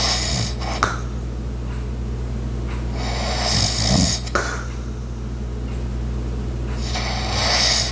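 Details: Light snoring with household background sounds, including an ice maker, clock and walking: rattling snores on each breath with a faint clock ticking; ordinary light snoring.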